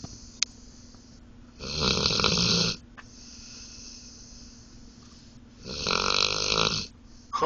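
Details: Pet asleep in a car after a long day, snoring: two loud, harsh, rattling snores about four seconds apart with quiet breathing between, over a steady low hum.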